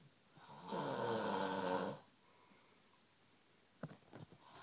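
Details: Sleeping male snoring, not stopped even by being nudged: one long, loud rattling snore on a breath in, then quiet room noise and a few soft rustles; snoring.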